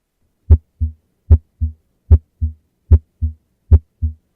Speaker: And so you can hear those normal heart sounds.